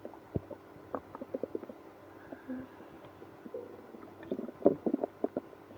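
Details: Active bowel sounds, stomach growling after drinking milk and prune juice with irritable bowel syndrome (IBS): soft gurgles and rumbling squeaks coming and going over quiet room noise, with moaning.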